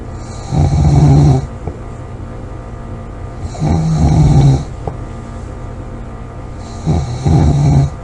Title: snoring, loud snoring,코골이 July 26 2017